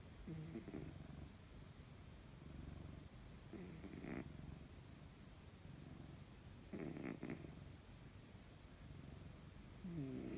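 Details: Soft, rough, rumbling breaths with faint squeaky snores from sleeping domestic cats (two brother cats and a younger white cat huddled together) in a quiet room at night; cat snoring.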